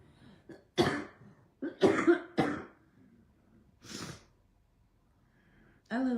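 A run of harsh, loose coughs in short bursts with quiet gaps, then a throat-clearing sound; repeated coughing in an adult with asthma.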